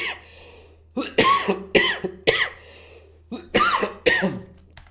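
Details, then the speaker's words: Adult coughing during a livestream: two quick runs of harsh, explosive coughs, about seven bursts in all, over a faint steady electrical hum. "H sorry I had to mute myself I was coughing or did you guys hear that no you heard that sorry"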